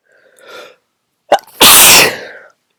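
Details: A soft breath in, a sharp catch, then one loud explosive sneeze that trails off, from a person trying to announce sneezes that were too strong to announce, with honking nose blowing later; a single forceful sneeze.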